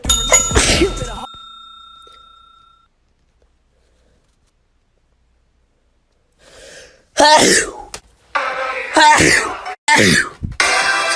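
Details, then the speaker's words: Abrupt explosive sneeze bursts with sharp onsets, an opening one with a fading tone, then several more after a pause; sneezing. "hey [ __ ] you man sneezes so hard he breaks the chair that is so gross"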